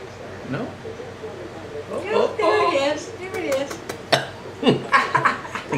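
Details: Hiccups: abrupt, sharp catching sounds repeat irregularly among soft vocal sounds.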